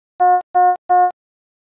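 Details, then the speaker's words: Efficia DFM100 monitor/defibrillator medium priority alarm: three even electronic tones, signalling a non-life-threatening condition such as heart rate outside its high or low limits, needing a prompt response. "a medium priority indicates a non life-threatening condition such as when the heart rate measurement violates the high or low limits and requires a prompt response the alarm message displays with a yellow background and sounds like this or this"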